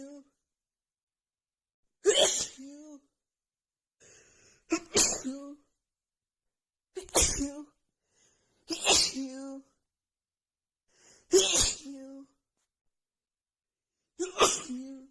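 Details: Six forceful let-out sneezes in quick succession, each with a short voiced tail and brief breath between; a huge rapid nonstop sneezing fit after holding back and stifling sneezes made the nasal tickle worse.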